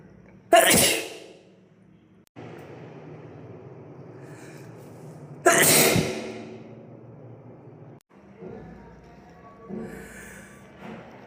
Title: Cute Asian boy sneeze compilation